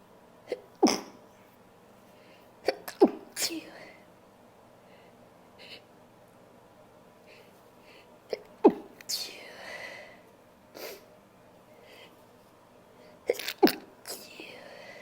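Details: Female, sneezing induced by tissue: several sharp sneezes in bursts, with sniffles and nose blowing between them.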